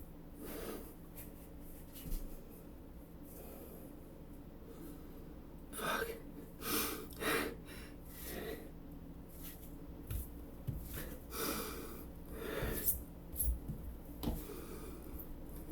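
Several short explosive nasal bursts with snorting breaths between them, over steady room hum: repeated sneezes.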